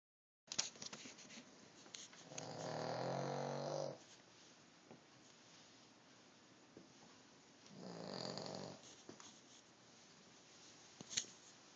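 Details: King Charles dog snoring: two drawn-out, fluttering snores several seconds apart, with quiet room noise and small clicks between.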